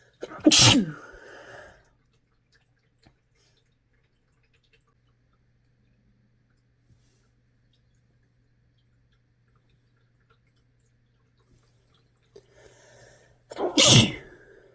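Two sharp, explosive sneezes about thirteen seconds apart, with quiet room hum between them.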